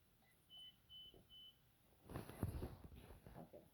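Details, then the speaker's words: Three short high beeps and then handling noise: an IV infusion pump's downstream occlusion alarm during a demonstration, signalling that fluid cannot flow down the line. "so it's telling you it's the same airline look downstream occlusion is it saying here i can't push it because something's included down there"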